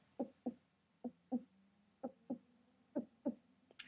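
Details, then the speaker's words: Vocal tic in a 17-year-old girl diagnosed with a tic disorder (Tourette's) in 2011: eight short voiced throat pulses in pairs, about three pairs a second apart, like a heartbeat rhythm. "it's sort of like a heartbeat noise like you're beating noise in my throat I have"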